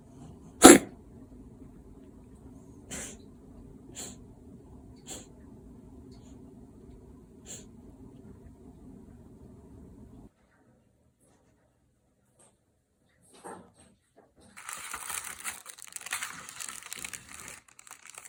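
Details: A kitten with a persistent cough, taken to the vet and treated with medication, gives one sharp burst and then four fainter ones, fitting the dry cough of feline asthma.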